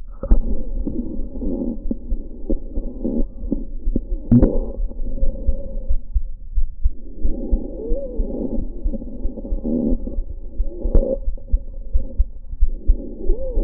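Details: Wheezing in a lung sound recorded in clinical practice through a stethoscope: long, musical, whistling tones run through the breath phases, from narrowed airways.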